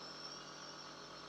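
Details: Nebulizer compressor running with steady high whirring hum after being switched on, mist flowing, during a home nebulizer-use demonstration by a nurse.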